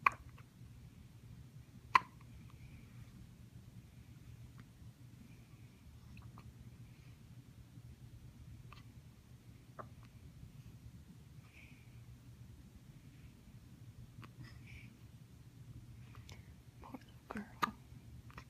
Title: Hiccups Part 2 the Extended Cut